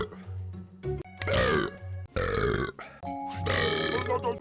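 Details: Burp compilation: several long, loud, gurgling belches over background music; burping, air brought up from the stomach.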